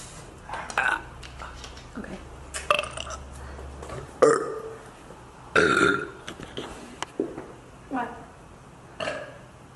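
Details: Young woman deliberately burping among laughing, chatting friends: a series of about six loud burps; voluntary belching.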